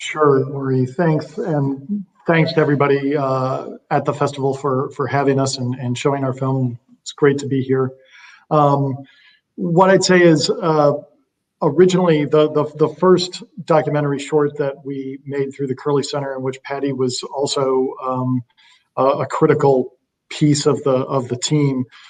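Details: Real stuttering in an adult woman who says she stutters sometimes, speaking on a panel.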